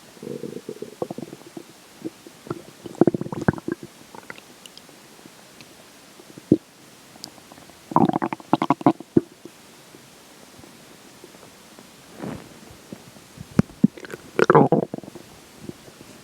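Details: Stomach growling during digestion after McDonald's for lunch and a slice of pizza for breakfast: bursts of gurgling, bubbling rumbles with quieter gaps; normal bowel sounds.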